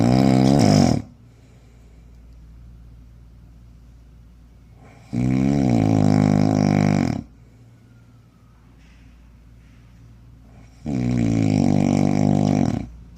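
Very loud, deep, droning snores about every six seconds, around 10 a minute, with quiet breathing between. Heavy snoring.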